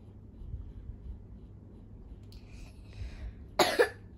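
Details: Young child with a slight cough: quiet room noise, a brief faint vocal sound, then a short double cough.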